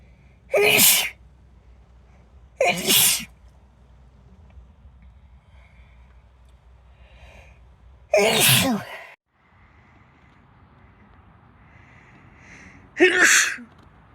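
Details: Female sneezing, late summer compilation: four separate sharp, explosive sneezes over quiet room noise; sneezing.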